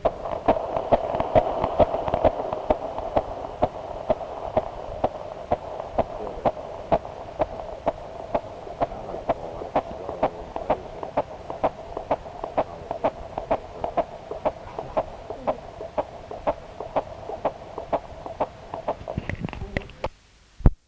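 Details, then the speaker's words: Fetal heartbeat recorded at a prenatal checkup in February 1979, about five months before birth: rapid, steady beat at about 130 a minute over a steady monitor hum. "we're now going to record the baby's heartbeat"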